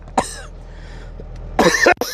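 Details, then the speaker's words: Adult coughing after food went down the wrong pipe: a short cough, then a harsher burst of two or three coughs clearing the airway. "Good lord. It went down the wrong pike. [laughter] [cough] I sound like body move. That went down the wrong pipe."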